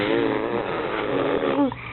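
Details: A girl, awake, voluntarily makes a snore-like sound: a rough, rattling noise through the nose and throat, ending in a brief voiced sound. Imitated snoring while awake.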